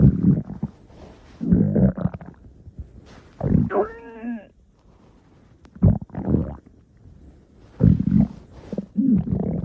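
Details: Stomach growling (borborygmi).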